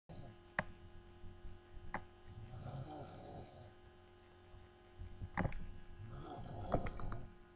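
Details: Low, rumbling snores from a person sleeping in a quiet room overnight, with a few sharp clicks between them; snoring.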